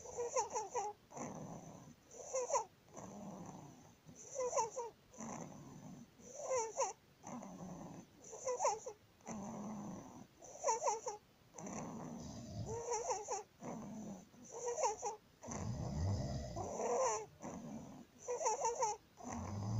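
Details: 19-day-old baby with laryngomalacia; inspiratory stridor.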